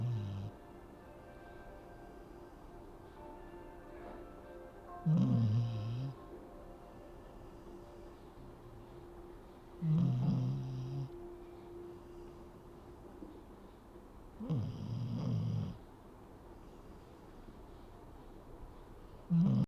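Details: Regular low snorting snores about every five seconds, roughly 12 a minute, over soft background music; ordinary sleeping snore.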